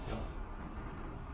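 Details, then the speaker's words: Adult imitating snoring on request during flexible endoscopic examination for snoring and sleep apnea, scope passing through the nose toward the nasopharynx, much secretion noted: low, rumbling, fluttering noise; imitated snoring. "Evet horlar gibi yap bakalım"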